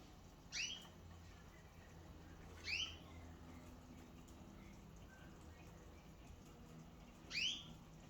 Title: Sneezing bird